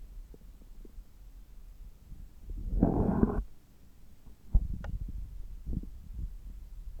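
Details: Stethoscope recording over the belly about 3 hours after a meal, when the gut is active: soft irregular gurgles and pops with one longer rumble, normal active bowel sounds.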